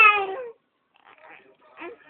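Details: Two-month-old baby boy, bottle feeding stopped for a while, gives a short, loud, tonal wail, then quiet whimpering; infant cry.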